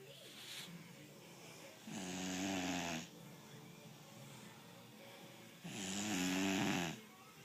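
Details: 5-month-old American Bully puppy snoring while asleep: two rough, buzzing inhaled snores about four seconds apart, with quiet breathing between.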